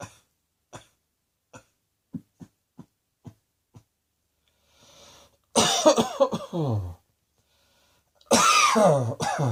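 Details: Acted cough by an adult: soft throat clicks, then two loud, voiced coughs.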